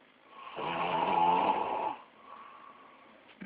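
One drawn-out, rattling snore lasting about a second and a half, then quiet breathing in a small room.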